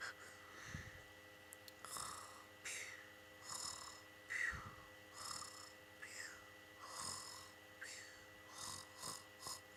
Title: There is never too much cat on YOU TUBE! Reloaded! Cassy can sleep everywhere!!! And snore!!!